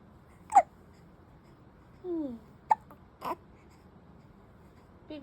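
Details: A newborn girl gives short, sharp hiccup sounds a few seconds apart, with a brief soft fuss between them, in a quiet room.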